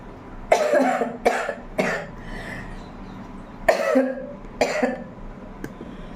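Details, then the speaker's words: Adult woman with a real cold, heavy cough and recent fever, in a nose-blowing challenge: two clusters of harsh, rattly, congested coughs, three then two; wet productive cough bringing up phlegm. "बहुत खांसी और सर्दी दोनों हो गई है इसलिए मैं सोची जी ये रिक्वेस्ट आ रहा थे"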